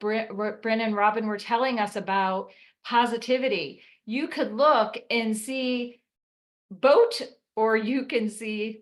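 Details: Woman about 4 years after a 2019 ruptured brain aneurysm with intracranial and subarachnoid hemorrhages that initially left her unable to speak, followed by 5 brain surgeries in 7 weeks; aphasia with apraxia of speech.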